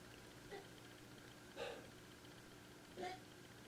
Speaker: see my cat has a hiccups my cat literally has the hiccups